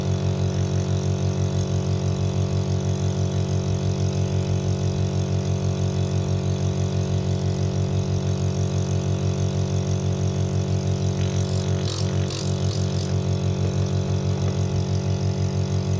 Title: Imported Nebulizer made in Taiwan at only Rs: 2500/-